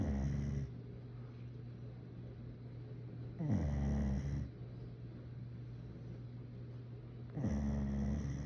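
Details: Dog napping: three loud, low, rattling snores on the in-breath, about 16 a minute, with quiet out-breaths between; ordinary snoring.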